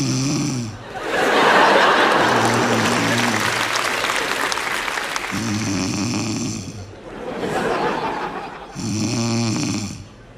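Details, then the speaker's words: Simulated snoring in a comedy stage sketch: a woman playing a princess who insists princesses don't snore makes loud, exaggerated rattling snores alternating with gasping breaths, with audience laughter. "Что ты опять будешь храпеть я не уснуть Я коль принцесса не храпят"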